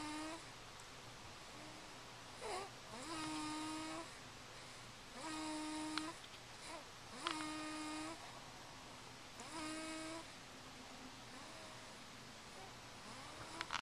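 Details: Loud, rhythmic tonal snores with each breath, roughly every two to three seconds, over a steady room hum, recorded on a Flip Video camcorder: ordinary snoring.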